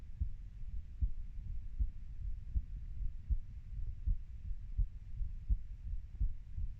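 Soft, low heartbeat thumps at about 85 a minute over a muffled background hum; an ordinary adult heartbeat.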